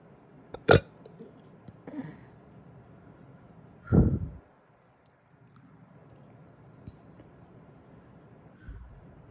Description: Some big burps led to some big hiccups after breakfast today!